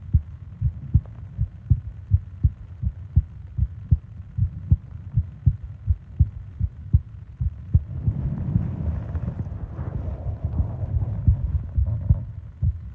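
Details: Steady low heart thumps at about 80 a minute, with soft breathing noise rising later, from a 20-minute ASMR sleep recording of heart and breathing sounds; normal heartbeat.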